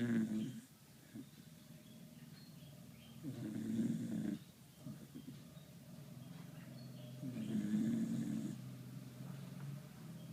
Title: Snoring dog!!!